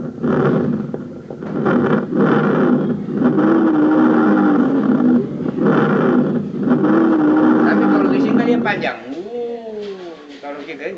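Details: Simulated pathological lung sound in a university medical lab skills session: noisy breaths with a sustained low-pitched musical tone through long exhalations; wheeze (dry rhonchi).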